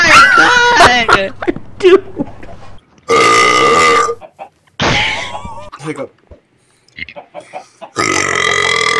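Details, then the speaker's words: Gamers' deliberate burping: several long, loud, drawn-out burps with bits of talk and laughter between them; ordinary belching. "That was not a hiccup. Yeah, burp, no."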